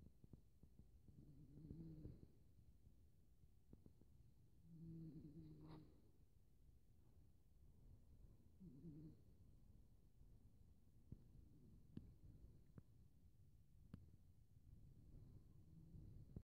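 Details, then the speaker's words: Sleeping cat snoring: soft, low, buzzing snores at about fifteen breaths a minute over quiet room noise. "Missy is snoring. Can you hear him?"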